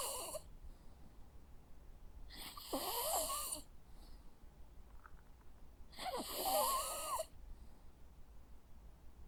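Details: Jack Russell Terrier sleeping: slow rhythmic snoring, a rattling snore every few seconds, about 15 breaths a minute.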